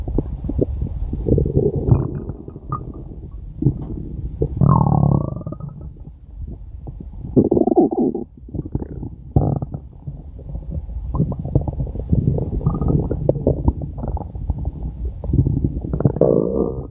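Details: Continuous low gurgling and rumbling with occasional squeaky rising gurgles: stomach growling (borborygmi), a normal sound.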